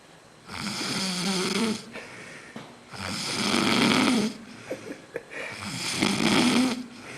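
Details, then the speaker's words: Man asleep after a drunk night out: three loud, rough, vibrating snores on breaths in, with quieter breathing between, about 24 breaths a minute; heavy snoring. "you're snoring really loud. Huh? I said you're snoring really loud."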